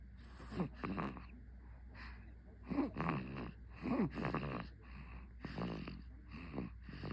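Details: 53-day-old baby boy asleep, with soft, regular snorting breath noises, about 30 breaths a minute: infant snoring, common noisy infant breathing.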